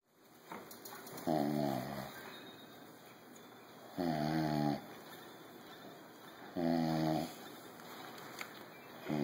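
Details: A dad's snoring in sleep: three loud, vibrating snores on the breath in, recurring every few seconds, with quieter breathing between in a quiet room.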